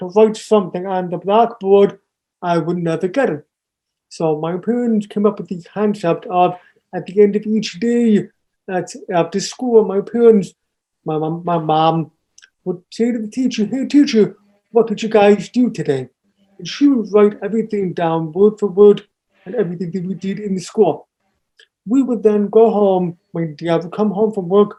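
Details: Adult man born three months premature, hearing loss found at age two and a half, raised with an oral approach taught to listen and speak; speech of a person with congenital hearing loss.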